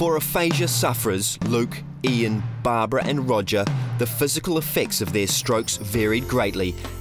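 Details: Adult male narrator; normal speech.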